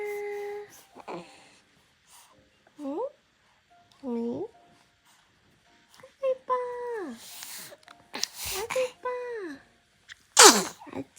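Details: Soft coos and squeals from a 73-day-old (about two-month-old) baby, then a sudden sharp burst of air near the end; infant sneeze.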